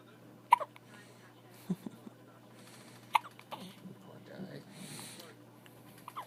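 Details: Infant hiccups: two or three brief, sharp hiccups among soft movement and breathing sounds.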